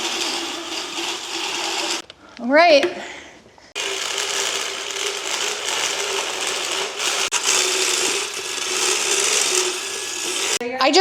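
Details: Steady motor hum with harsh grinding, brief pauses and short tonal sounds: motorized dental float filing a horse's teeth.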